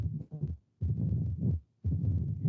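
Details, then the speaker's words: Mitral stenosis: low-pitched heart sounds, a double beat where the second heart sound is followed by an opening snap, then a long rumbling holodiastolic murmur filling diastole; mitral stenosis murmur with opening snap. "Si se dan cuenta, cuando escuchan como un doble golpeteo al inicio. Tutum, tum, tutum, tum, ¿no? O sea, el primer golpeteo es el segundo ruido. Tutum, y el segundo es el chasquido, ¿no?"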